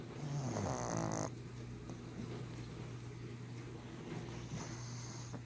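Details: A 1½-year-old brindle pug gives a loud rattling snore with a fluttering tone on the in-breath, then quieter breathing; snoring of a flat-faced dog.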